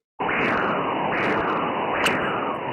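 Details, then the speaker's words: Transcranial Doppler in cerebrovascular disease: rhythmic whooshing arterial flow at about 75 beats a minute with one brief, sharp, unidirectional bird-like chirp, a microembolic high-intensity transient signal (HITS) indicating an embolus. "a sound like a bird chirping it's a high intensity transient they are called as hits high intensity transient they're microembolic they are unidirectional and the sound is like a bird chip that kind of sound will be coming"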